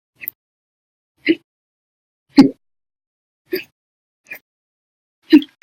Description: The Violent, Bad Loud, Silent, Minute Hiccups, Second lasted 13 Hours and 1 Minute for after eating Breakfast, Lunch, and drinking 1 cup of soda after Dinner on 9/2/19.